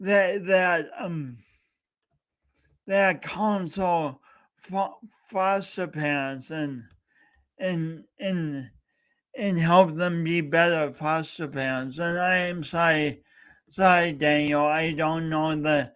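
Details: Real speech impediment with disfluent speech in a male speaker coached for years, heard during a three-hour live talk-a-thon he set as a challenge for his own voice.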